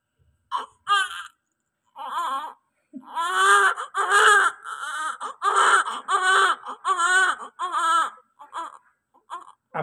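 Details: Strong, repeated wailing cries from a newborn just after birth, under observation; a full, vigorous cry, a normal sign of an active baby.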